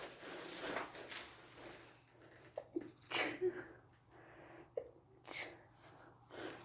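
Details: Person with a cold at school sneezing while trying to stay as quiet as possible: several soft, stifled, suppressed sneezes with quiet breathing in between in a hushed room.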